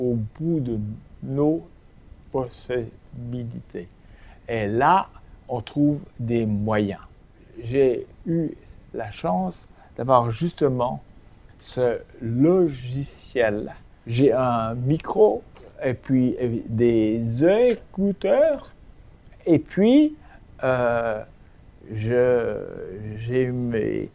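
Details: Aphasia in a man who became aphasic 7 years earlier after a stroke and uses voice-recognition software as a communication aid.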